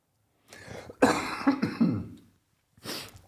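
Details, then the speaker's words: Adult man on a podcast with a long-lasting cough he is trying to hold back: a few harsh, partly suppressed throat-clearing coughs, then a short breath out in a quiet room; cough. "And God, trying to fight back a cough. Like I've been dealing with this freaking cough forever, but"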